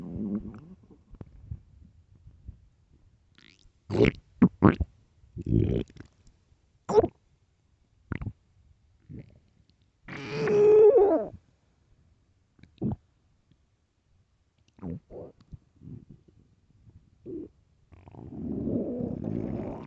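Irregular gurgles, squeaks and longer rumbling growls separated by silence; loud stomach growling from hunger, a normal bowel sound.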